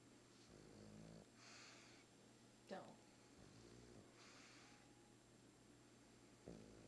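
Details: Female pug snoring loudly "like a freight train," with rough, rattling snore sounds on each breath and a few snorts, recorded up close over quiet room noise.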